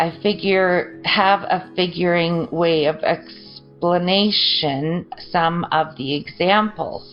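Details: Broca's (non-fluent) aphasia after a stroke injuring the Broca region in an adult; choppy, garbled, unfluid speech with word-finding difficulty.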